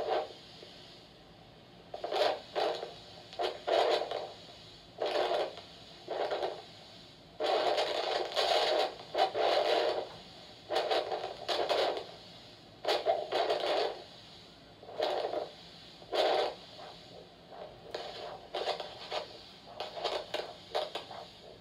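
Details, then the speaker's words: Handheld Doppler over the right dorsalis pedis artery in an adult male patient during a nursing cardiovascular exam for ankle-brachial index (result 1, normal): rhythmic whooshing arterial pulse about one per second, normal signal. "This is dorsalis pedis of the right foot."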